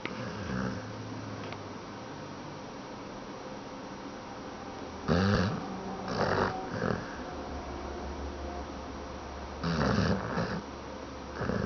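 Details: Dog snoring while asleep; loud snorting snores in bursts against steady room noise.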